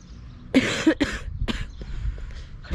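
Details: Woman who has fallen ill with cough and difficulty breathing, in a supermarket: two or three loud, harsh cough bursts close together, then quieter breathing and shop background noise.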